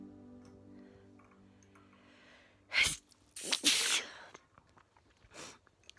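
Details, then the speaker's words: Adult sneezing fit: two forceful sneezes, the second a loud double burst, over faint music; so severe he could not pick up his phone. "I just really had a bad sneeze, but I was sneezing so bad, I could not pick my phone up."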